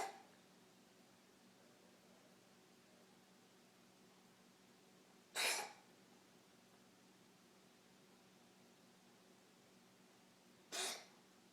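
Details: A young child gives two short, sharp, isolated coughs about five seconds apart in a quiet room.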